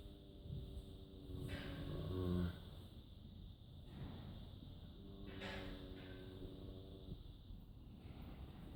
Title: Incredible snoring Friesian horse!!